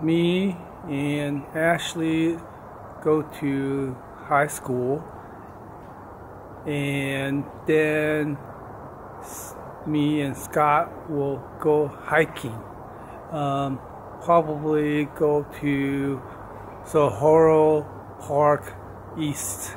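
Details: Vlogger with aphasia following a stroke, own speech; aphasia.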